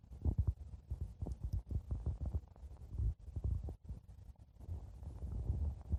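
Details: Stomach growling (borborygmi): low, irregular gurgling rumbles and bubbling in bursts throughout.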